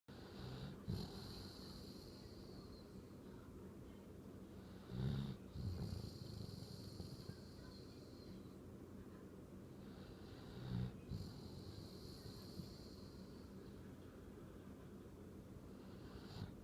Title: Someone snores like a bear!